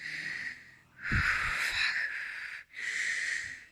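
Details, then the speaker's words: Day after lung wash (bronchoscopic lavage) for inflamed lungs, patient unable to breathe through nose, with air hunger: loud, harsh, hissing, gasping breaths in and out; laboured breathing. "Also, because I keep forgetting that I can't get any air basically through my nose, so I end up with air hunger and breathing like this"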